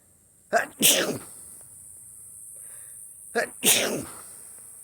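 Two sneezes, each a quick indrawn breath followed by a sharp explosive burst of air, in a quiet room.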